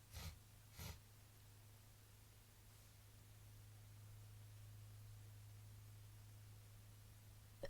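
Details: Female gives messy stifled sneezes.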